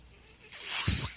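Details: Podcast host's own mechanical ventilator heard in the background as he begins speaking and notes the noise is his ventilator; mechanical ventilator.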